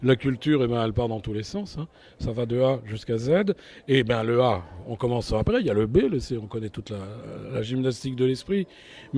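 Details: Adult male speaker; Normal speech.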